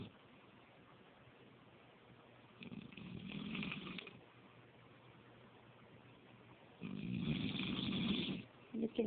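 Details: Person snoring while asleep on the couch: two low, rattling snores about four seconds apart, with quiet breathing between and faint room hum; snoring.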